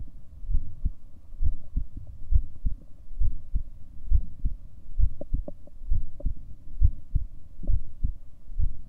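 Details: Recording of the person's own heartbeat: steady, low thumping beats at about 67 per minute with a faint background hum.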